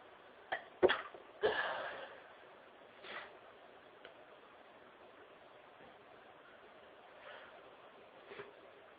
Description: I felt a sneezing fit coming on at work today so I snuck off somewhere quiet and let the sneezes explode from my nose.